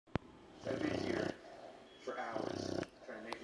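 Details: Snoring: two drawn-out, fluttering snores about a second and a half apart, with a soft breath between them.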